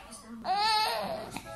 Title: DANCE MONKEY CALM A CRYING BABY !!!